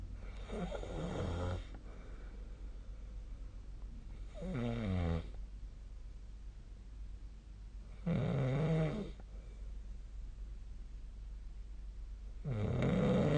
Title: 🐽 本日のイビキ / Snoring Sleep Sound 2025/02/18